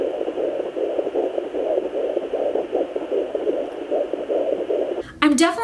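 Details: Fast whooshing pulses through a handheld home Doppler at 17 weeks of an IVF twin pregnancy (boy and girl), ending in a short noise burst; fetal heartbeat.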